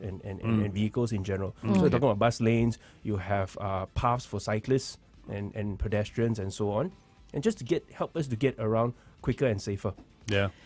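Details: Adult man speaking; no disorder.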